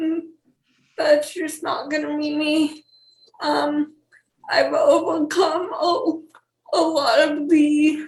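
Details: 28-year-old woman with cerebral palsy and speech issues: dysarthria (cerebral palsy).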